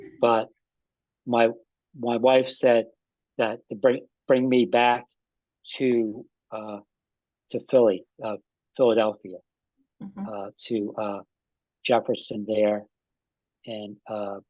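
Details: Adult man with aphasia after an ischemic stroke that occurred together with a heart attack about five and a half years earlier; still has trouble with names and word tenses.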